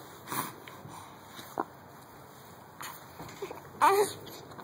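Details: A dog gives a few brief, abrupt hiccup sounds spaced about a second apart in a quiet room; dog hiccups.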